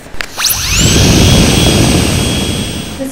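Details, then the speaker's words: High-speed dental drill in a parody infomercial made as a school project: a rising high-pitched whine settles into a steady shrill tone over a low rumble. "he has created a high-speed drill that will make you say instead of this drill plays whatever music you would like right from your mp3 player"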